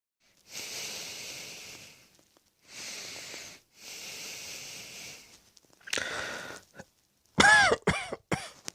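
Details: Three long airy breaths then a run of four sharp, partly voiced coughs, a deliberately acted coughing fit.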